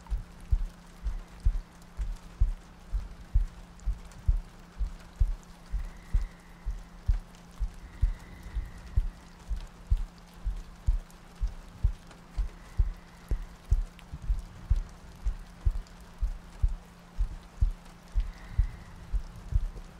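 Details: ASMR sleep-aid roleplay of cuddling next to a girlfriend on a rainy night, a looped track with soft breathing: soft, regular low thumps at about 64 a minute under faint rain and ambient sound; a steady heartbeat.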